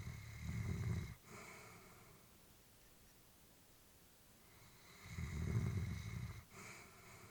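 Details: Elderly female Labrador, about whom the family was worried, sleeping peacefully: slow, low snoring breaths, about two cycles in seven seconds, each with a soft snort. Snoring.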